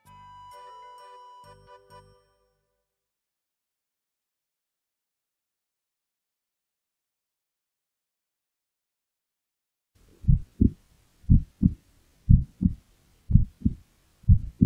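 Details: Pet calico cat's heartbeat through a toy stethoscope: steady paired lub-dub thumps, about 60 a minute, after a short chime; rate said to change with the cat's state of mind.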